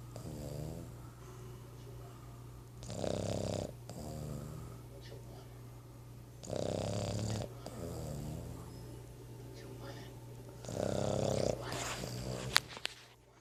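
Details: Sleeping Boston terrier snoring: loud rhythmic rough rattling snore with each breath, roughly every four seconds.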